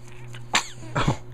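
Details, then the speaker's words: Two short, sharp bursts of air about half a second apart, followed by someone saying "bless you": a pair of small sneezes. "Oh, bless you. Bless you again. Oh, bless you again."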